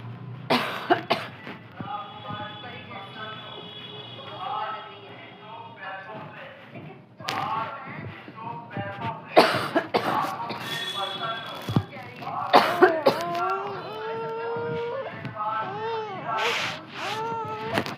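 Several short, sharp coughs from an infant, mixed with baby vocal sounds, with a cold.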